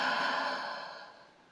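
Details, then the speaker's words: A respiratory physiotherapist demonstrates a low, long gentle huff to move mucus from smaller peripheral airways at the lung bases: a soft, breathy open-mouthed out-breath fading steadily over about a second and a half, active cycle of breathing technique. "not sufficient to move the mucus you might need to do a low long huff and that will move the mucus in the smaller peripheral airways down in the bases of your lungs"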